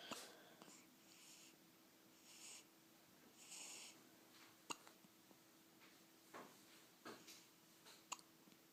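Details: Hiccups: brief sharp catches with short breathy sounds, repeating irregularly over several seconds in a quiet room.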